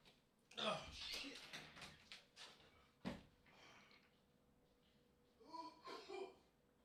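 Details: Harsh, strained coughs and gasping, voiced bursts from an adult man in a small room, a coughing fit after inhaling vapor from a cart, leaving him crawling on the floor gasping for air.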